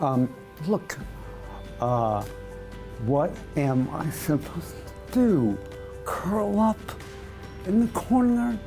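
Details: Adult male with dystonic speech from segmental dystonia of the voice box, tongue and lips (spasmodic dysphonia with oromandibular/lingual dystonia), tongue thrusting during speech, onset about two years earlier; speaking after Botox injections into the tongue, with results no better.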